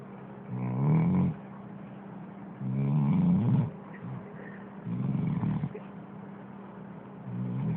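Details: Sleeping dog snoring: deep, rattling snores, about one every two to three seconds; ordinary snoring.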